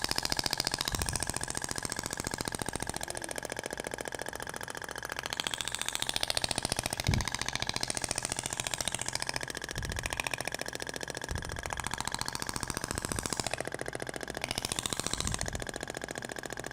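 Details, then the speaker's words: Thork radial shockwave handpiece in a practical training demo on the abdomen, avoiding the navel, after switching to a stainless-steel tip that sounds different from the previous tip: rapid, steady tapping pulses at about 210 per minute over room noise. "vai para o outro sentido até o barulho é diferente da ponteira de palhacetal para inox"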